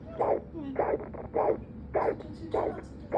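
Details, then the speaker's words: Faint early fetal heartbeat at about two months of pregnancy, regular whooshing pulses near 105 a minute, found with a home fetal Doppler below the belly button: fetal heartbeat on home Doppler. "उस time बहुत ही छोटा होता है तो heart beat का sound भी बहुत ही कम आता है"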